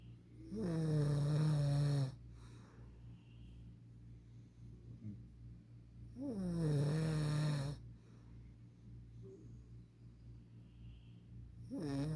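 Loud, low, rattling snores on the in-breath, about 11 breaths a minute, with quiet exhalations between. Steady background hum.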